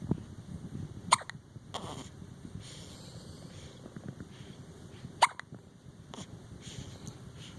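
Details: Late-night hiccups around 11pm: two sharp, brief hiccup sounds about four seconds apart in a quiet room with faint background noise. Ordinary hiccups.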